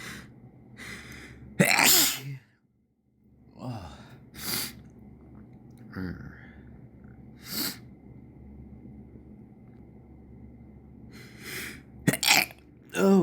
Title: Summer Sneezes and Sniffles